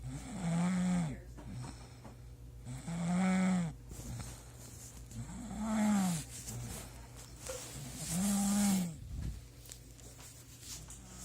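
Loud, deep, droning snores, four in about eleven seconds, roughly 21 breaths a minute; heavy snoring.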